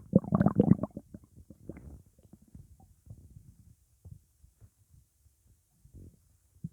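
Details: Upset stomach rumbling: a loud bubbly gurgle, then softer irregular low gurgles and pops fading out; borborygmi.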